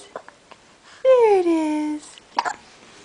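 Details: Awake 3-week-old baby girl weighing 8 lb 12 oz, with frequent hiccups: a few brief, soft hiccup-like catches around a long falling coo; infant hiccups.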